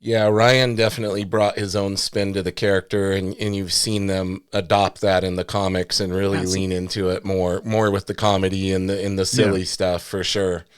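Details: Adult male speaker; normal speech.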